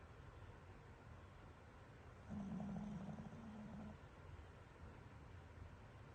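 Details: Tired Pomeranian dog snoring loudly in sleep: one soft, low, buzzing snore lasting under two seconds over quiet room noise.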